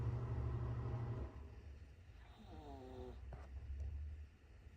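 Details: Tired, sleeping dog snoring: low, rumbling snore followed by a faint whine, over steady background hum.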